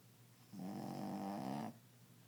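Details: Snoring from a sleeping dog, louder than any human snore the owner has heard: a single low, buzzing, voiced breath sound about a second long over quiet room noise.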